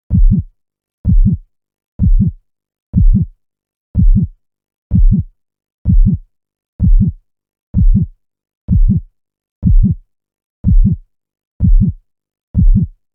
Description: Soothing and relaxing Heartbeat Sound for Sleep